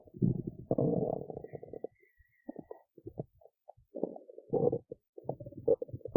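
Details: Hunger bowel sounds from a woman's belly after skipping lunch: low gurgling rumbles and bubbly squelches in irregular bursts with brief quiet gaps.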